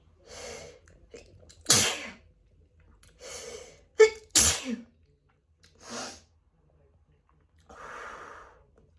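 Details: Uncovered sneezing fit after a walk outdoors, attributed to grass/flower pollen: rapid run of about five sneezes, each with sharp in-breath and burst, then breathy exhale; sneezer feels lightheaded afterward.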